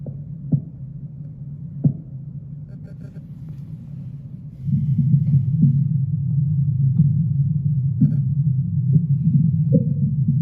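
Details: Normal bowel sounds on abdominal auscultation through a stethoscope: low rumbling with scattered gurgles and clicks.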